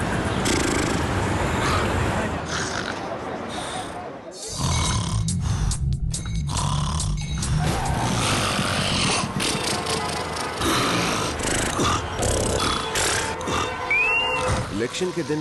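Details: Snoring in an election voter-awareness advertisement: rough, rattling snores with irregular rhythm over loud background music.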